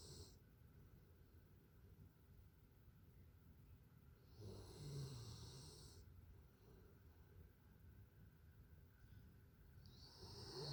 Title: my dog is snoring